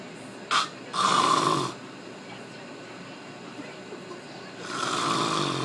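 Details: Adult man snoring while asleep: rough, rattling snores on the in-breaths with quiet pauses between breaths; ordinary snoring.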